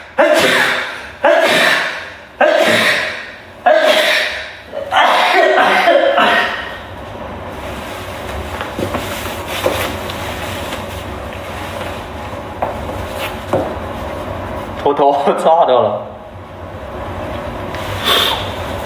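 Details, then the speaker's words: Male livestreamer, said to have allergies, sneezing repeatedly on stream (22 sneezes in total) and saying it is too cold: a rapid run of about six forceful sneezes about a second apart, then quiet room noise. "天哪！我打走了喷嚏，然后太冷了。"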